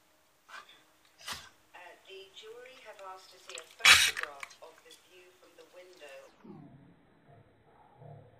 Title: Dog sneezing in slow-motion